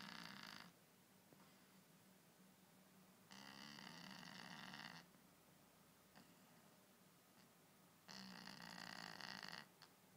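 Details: Winky snoring very loudly.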